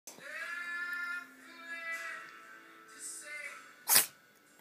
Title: Sneezing cat